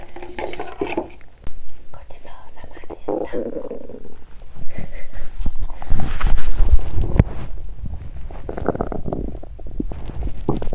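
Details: Belly sounds after exercising on an empty stomach, which caused nausea and loud stomach noises: irregular gurgles, low rumbles, bubbling squelches and soft intermittent clicks, ordinary hunger and digestive bowel sounds.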